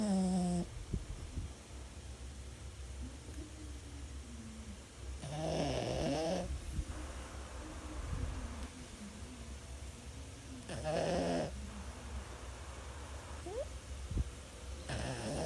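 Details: Boston Terrier resting: irregular snorting, wheezy snores with whistling breaths, about 11 a minute, over low room hum: snoring.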